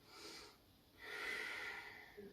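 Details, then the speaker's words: Breathing exercise demonstration encouraging diaphragm rather than upper chest breathing: a slow, audible breath in through the nose, a pause, then a long, steady breath out; deep diaphragmatic breathing. "do you use your diaphragm that big muscle just under your ribs there breathing deep into your lungs"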